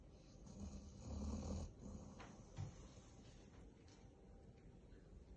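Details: Tired Bracco dog snoring softly: low, rough breathing noise rising and falling over a steady hiss.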